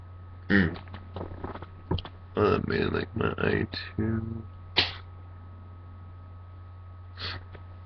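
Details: Person congested after waking, who says bright light sometimes makes them sneeze: several sharp, explosive sneezes with voiced gasps and exclamations between them, over a steady background hum; repeated sneezing.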